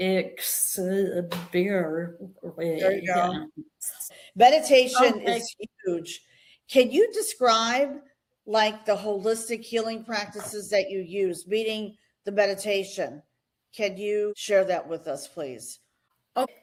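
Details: Adult woman; normal voice.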